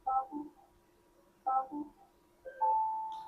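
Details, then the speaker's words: Ultrasonic harmonic scalpel in a theatre set-up teaching demo: after the reusable hand piece is locked, pressing the gray button gives two short two-note chimes, then a sustained steady activation tone; the machine confirms it is working. "Activating means you press on the gray button. Look at the machine."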